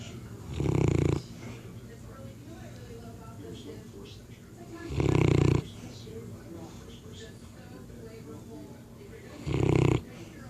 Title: Newfoundland snores like a freight train